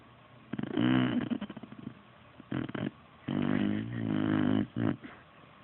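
Rattling, fluttering breaths come in bursts, some long and some short and choppy; a dog snoring.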